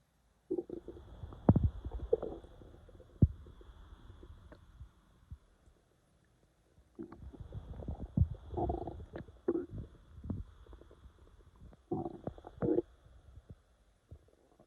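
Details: Stomach growling (borborygmi): low gurgling and rumbling bursts from the belly, separated by quiet gaps.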